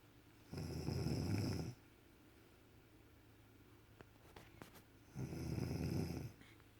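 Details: Sleeping mother snoring beside a staring two-week-old baby: two long, low, rattling snores about four seconds apart with quiet breathing between; snoring.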